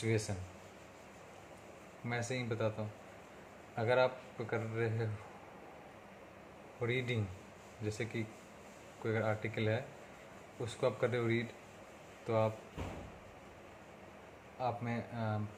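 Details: Stuttering in an adult man speaking Hindi, on day 37 of speech therapy for his stammering, with improvement noted across speaking situations.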